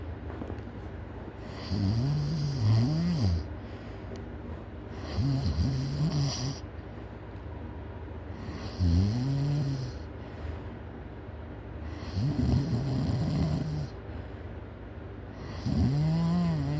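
Loud rattling snores on each breath in, about five in 17 seconds, roughly 18 breaths a minute, with quieter breathing out between.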